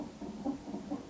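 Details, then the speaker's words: Fetal heart sounds from a pregnant woman near her due date during her fourth nonstress test after a failed catheter induction: rapid rhythmic whooshing pulses on the monitor while the baby is moving a lot. "The nonstress test monitors the baby's heart rate. The higher the better."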